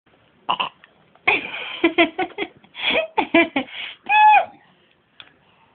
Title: The Burps